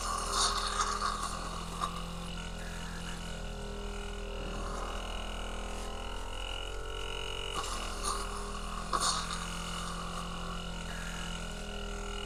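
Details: Tracheostomy suctioning with a suction machine: steady motor drone with wet gurgling and slurping bursts as secretions are drawn up.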